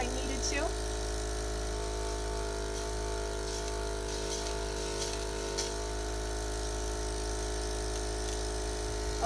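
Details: Steady mechanical hum and drone of a suction machine running continuously during nursing tracheostomy suctioning with sterile technique, patient encouraged to deep breathe, with faint background noise.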